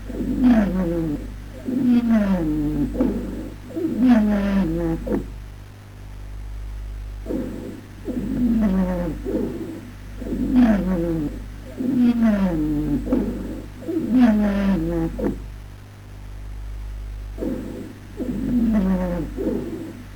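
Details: Musical, whistling tones rising and falling with each breath, heard over the chest; wheezes.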